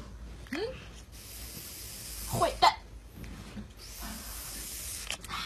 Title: LOL-My Cat Snoring-Active Cat-Funny Pet